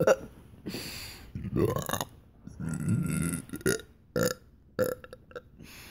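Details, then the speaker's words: Deliberate, voluntary burping, including attempts to burp out names: a few low, rumbling throat sounds followed by short burping bursts in a small room. "what okay I'm being really Burpee today uh sorry"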